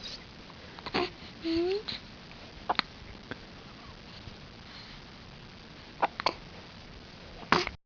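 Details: Several short, abrupt voiced catches at irregular intervals over quiet room noise; hiccups.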